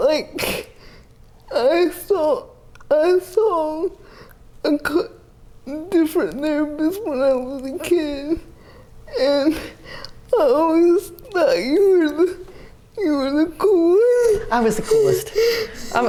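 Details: Dysarthria in a 30-year-old woman with GMFCS Level 4 cerebral palsy, quadriplegia with an athetoid component, uses a power wheelchair; speech may be hard to understand.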